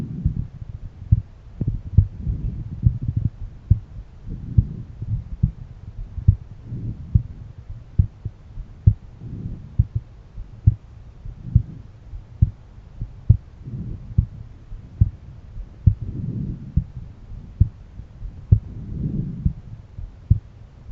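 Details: Own heart auscultated with a stethoscope at different valve areas: steady low thumps about 70 a minute with some stethoscope rubbing noise; normal heartbeat.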